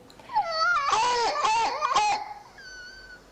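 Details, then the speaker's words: Barking, seal-like croup cough in a child with laryngitis (laryngeal croup): three harsh, hoarse cough bursts with a high-pitched noisy breath, typical laryngeal stridulous cough. "también se le suele decir la tos de foca, que es la típica cuando los niños tienen la laringe inflamada, tienen lo que llamamos nosotros un cuadro de laringitis o de crup laringeo, y bueno, pues esa tos es muy característica."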